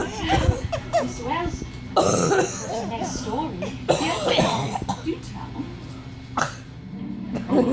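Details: Cough that a granddaughter finds funny and laughs at; the cough of an older adult.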